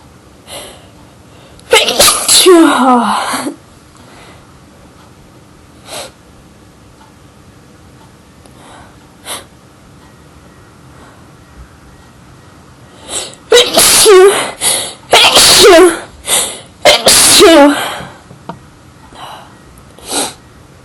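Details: A loud sneezing fit: about five forceful sneezes in quick succession, with small buildups and short catching inhalations before some of them.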